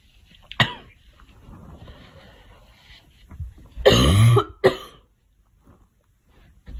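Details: Girl coughing: a sharp cough, then a pause and two more harsh coughs close together.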